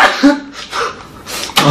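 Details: A short breathy intake, then a sharp explosive burst of air and a second quick burst: an ordinary sneeze from a K-pop idol.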